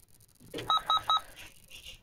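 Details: Three short electronic beeps from a Dr Morepen home blood pressure monitor on the arm, signalling the measurement is finished; reading 112/73 mmHg.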